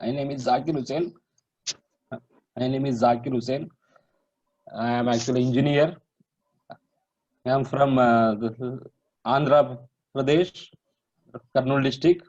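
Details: Adult man who has stammered for 40 years and could not say his own name before training, introducing himself after a stammering course; stuttering.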